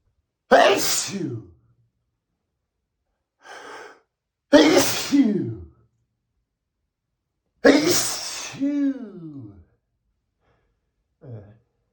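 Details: Three loud, forceful sneezes from a man, each with a sharp inhaled build-up and explosive release, spaced a few seconds apart with snorts and quieter breaths between.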